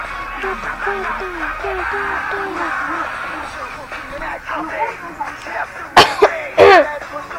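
Soft music plays, then a short cluster of about three harsh, abrupt adult coughs near the end.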